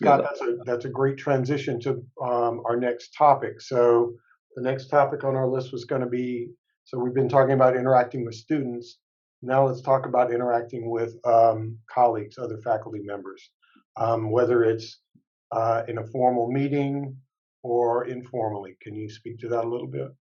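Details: Adult male speaker; ordinary speech.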